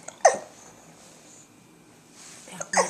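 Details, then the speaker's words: Hiccups alongside an itchy left ear: short, sharp, abrupt vocal catches separated by quiet breathing. "Got the hiccups too, right? Yeah."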